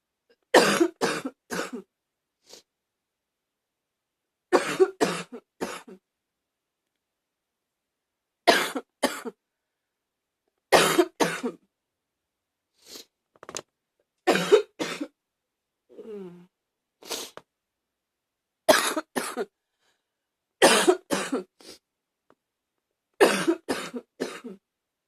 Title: # 62 a lil barky cough